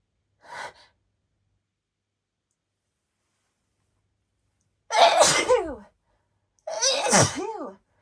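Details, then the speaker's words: Woman's allergic sneezing on Valentine's Day: a brief sharp inhalation, then two loud, wet, explosive sneezes with voiced pitch sweeps. "you can tell these are allergy sneezes because when I sneeze I sound so disgusting and not very cute at all really sorry"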